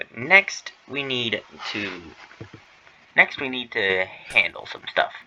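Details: Stuttering with phrase repetition ('next we need to') in a male streamer who says he stutters, worse while streaming, on his first stream.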